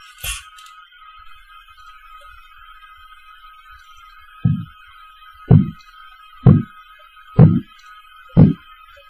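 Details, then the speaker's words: Manual auscultatory blood pressure measurement, stethoscope diaphragm over the brachial artery during slow cuff deflation: quiet hiss, then five regular low thumps about a second apart as Korotkoff sounds appear. "is how you hear the Kurott cough sounds."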